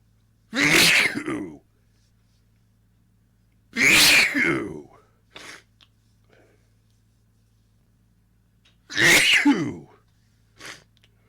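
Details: Allergy-related sneezing fit: three forceful, explosive sneezes about four seconds apart, each followed by a brief softer sound.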